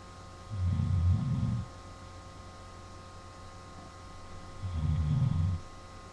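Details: Father snoring during sleep, recorded on a webcam: two long, low, rumbling snores about four seconds apart over a steady room hum.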